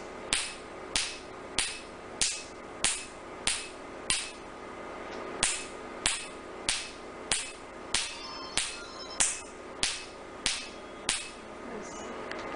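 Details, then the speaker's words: Q-switched Nd:YAG laser tattoo removal (R20 technique, third sitting, no anesthesia, patient lying comfortably, white spots appearing over the tattoo): sharp, regular snapping pops about 95 a minute from the laser pulses. "You can see as we do laser, white spots are appearing over the tattoo area."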